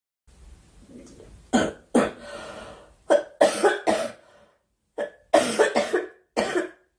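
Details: A girl, who says she is sick and wants the coughing to stop, gives repeated harsh coughs, about eight bursts, some in quick pairs, with breaths between; cough.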